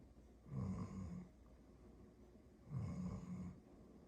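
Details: Dog snoring: two low, rumbling snores on inhalation about two seconds apart, with soft room hum.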